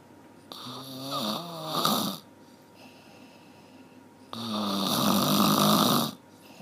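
Two long, harsh, vibrating snores on breathing in, separated by quiet breathing out; loud, rough snoring.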